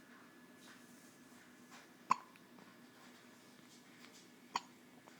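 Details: Two sharp, brief hiccups about two and a half seconds apart in a quiet room, recorded as a hiccup sneeze; hiccups.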